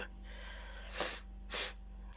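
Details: Two short, sharp, breathy bursts of air through the nose and mouth from a woman with a cold, runny nose and cough: sneezing.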